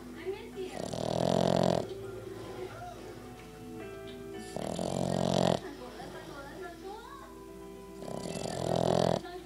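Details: Dog snoring, owner wondering whether it should be this loud: three loud, rough, buzzy breathing sounds about four seconds apart, with quieter breathing and room noise between them.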